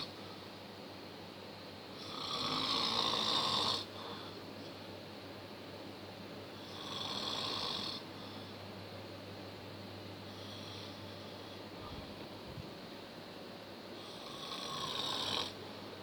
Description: Snoring Power, No words to describe the power of snoring.